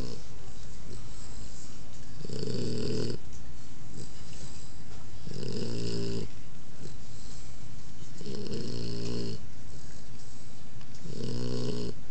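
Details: Sleeping puppy snoring very loudly, like a human: loud, regular snores on each breath in, about 20 a minute; heavy snoring.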